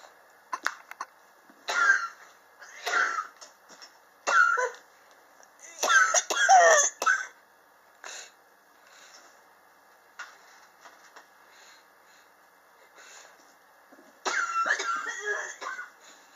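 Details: Chronic cough ongoing since summer 2016, recorded July 2018; the patient believes temperature changes in the apartment trigger it. Repeated dry coughs and throat clears in clusters over about sixteen seconds in a quiet room.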